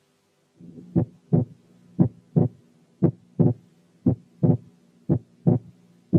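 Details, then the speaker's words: Physiological (normal inspiratory) splitting of the second heart sound, regular rhythm near 58/min; S2 splits only during inspiration and becomes single on expiration; breath sounds removed with special sound filters; teaching recording. "في الحالة اللي فاتت السبليتنج كان موجود بس during inspiration وده طبيعي،"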